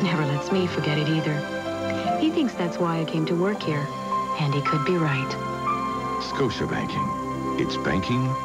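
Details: Adult speaker in a commercial; normal speech.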